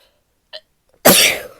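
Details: Female: a brief catch of breath, then one loud explosive sneeze with a hissing rush of air that fades out; sneeze.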